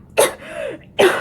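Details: Faking a cough as a prank after drinking lemon water, pretending to choke and cough up blood: two forced, harsh coughs about a second apart with a throaty sound between; simulated cough.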